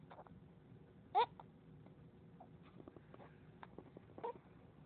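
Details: Quiet room with two brief, sharp, squeaky catches about three seconds apart; hiccups in a 3–4-month-old baby girl.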